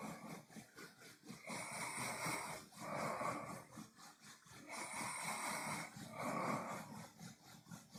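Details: Closed-mouth snoring by a man.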